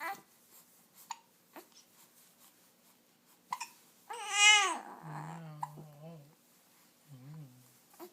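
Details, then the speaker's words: Infant gives a brief, rising cry broken up by sharp repeated hiccups, with quieter fussing after; crying interrupted by hiccups; infant cry. "crying interrupted by hiccups poor baby can't even cry properly because you got the hiccups"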